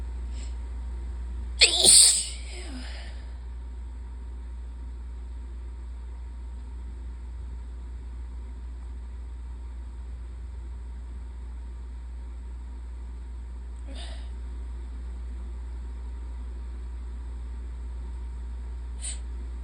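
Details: Allergic rhinitis sneezing on a high-pollen day with an open window: one sharp, explosive sneeze over a steady low hum, then a couple of faint sniffs.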